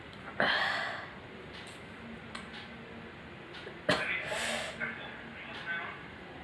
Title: Sneezing challenge